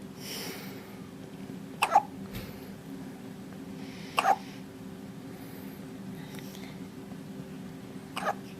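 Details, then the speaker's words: Three sharp, brief hiccups from a baby, about 26 a minute and somewhat irregular, over steady room hum; infant hiccups. "you got the hiccups"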